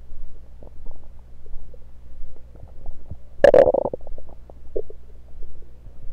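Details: Stethoscope placed around the belly, mostly demonstrating placement: frequent soft gurgles with one louder gurgling burst; normal bowel sounds.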